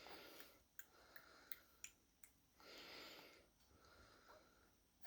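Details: Baby with hiccups: several short, sharp catches, unevenly spaced, over quiet breathing and room hiss.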